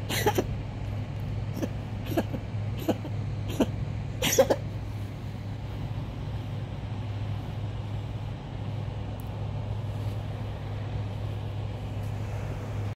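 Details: Coughing fit: about six short, sharp coughs in quick succession over five seconds, then stopping, over a steady low hum; recorded for a vet visit.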